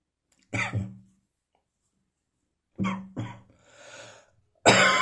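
Short, sharp cough bursts in pairs with an audible breath between, sounding dry rather than rattly.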